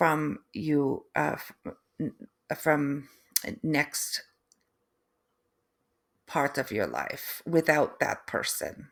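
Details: Adult woman, third-generation Canadian, after a stroke: aphasia with difficulty putting sentences together and inability to write, apraxia of speech, and foreign accent syndrome beginning 3 months post-stroke; she feels she now sounds East European.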